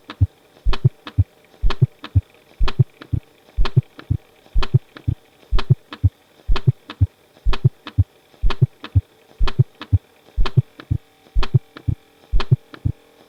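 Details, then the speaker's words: Pediatric teaching recording: fourth heart sound (S4), a presystolic sound from atrial contraction into a stiff, noncompliant ventricle; a soft, low extra sound just before each S1, rate near 62 per minute. "دائما الفورس سوند باجيك وممكن يكون السبب بتاعه ان هو بواسطه بيحصل اتال كونتراكشن الى ستيف ونان كومبلين فنكل"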